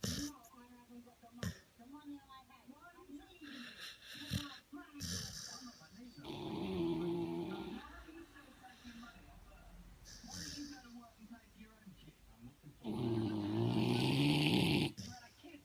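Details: Staffordshire Bull Terrier x British Bulldog puppy asleep: repeated snorts and rumbling snores, with fluttering noises between breaths.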